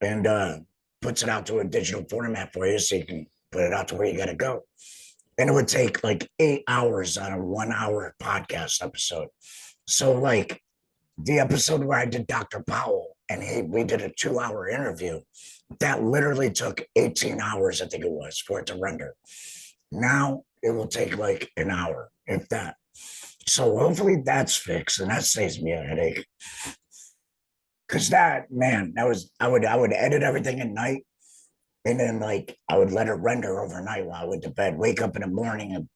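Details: Real adult laryngectomee speaking after total laryngectomy, now back at work. The finding is alaryngeal speech after total laryngectomy.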